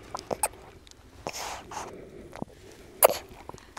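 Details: Clicking during breastfeeding from poor latch, an infant girl aged 2 to 5 months feeding at the breast, recorded in an anechoic chamber.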